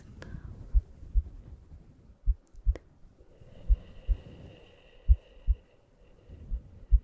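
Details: Regular low paired heartbeat thumps at roughly 75 a minute with faint room noise and a soft hum, from an ASMR relaxation and sleep heartbeat recording.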